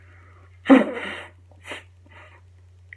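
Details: Acted, deliberate loud forceful sneeze by an adult caller claiming a cold with a watery nose, followed by faint breathy sounds over a steady low line hum.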